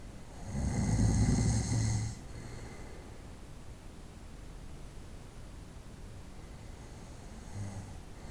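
One loud, low rattling snore lasting about a second and a half, then quiet breathing with a faint second snore: adult snoring during sleep.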